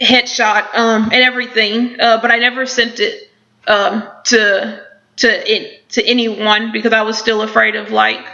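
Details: Woman who stutters, with repetitions in her speech; stuttering with repetitions.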